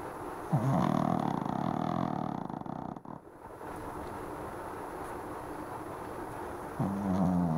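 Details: Dog sleeping deeply on a cushion, snoring: deep rumbling snores on inspiration with fluttering vibration, over television and air-conditioner noise.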